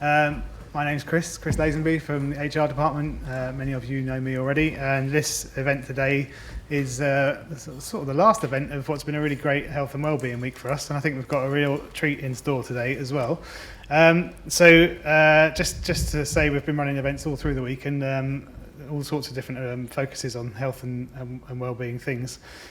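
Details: Adult male speaker; normal speech.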